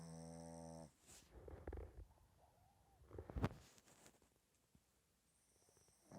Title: Puppy snores